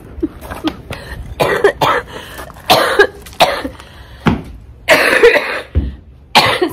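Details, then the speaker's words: Prolonged fit of about nine harsh, forceful coughs in quick succession with throaty rasping between bursts, from an adult who says she is feeling better after illness but has a wicked, persistent cough. "I'm feeling a lot better I just have a wicked cough it sounds like I'm um on the verge of death but I'm completely fine so don't worry about me"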